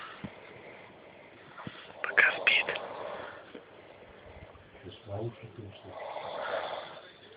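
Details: Adult man snoring during sleep: rough, fluttering breathing with some louder bursts in a quiet room; snoring.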